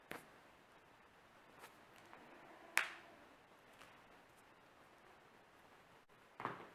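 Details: Night-time compilation of self-performed joint cracking of the neck, back, toes and fingers by a non-chiropractor: several sharp, dry pops and one louder crack in a quiet room; harmless joint cracking.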